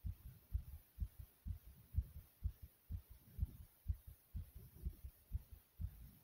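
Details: Quick, soft low heart thumps at roughly 120 beats a minute after various exercises; a fast heartbeat after exercise.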